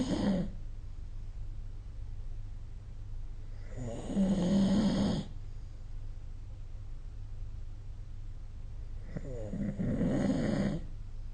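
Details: Low, rumbling, fluttering snores on each breath in, about three in eleven seconds, over steady room hum; snoring during sleep, recorded with the SnoreLab app.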